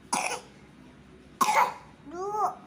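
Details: Three-year-old boy with a cough, coughing while learning to read: two short coughs followed by a brief vocal sound.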